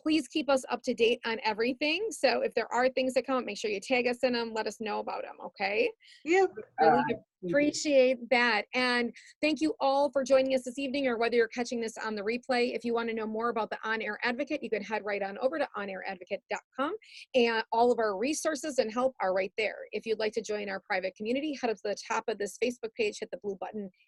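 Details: Adult woman speaking; typical speech.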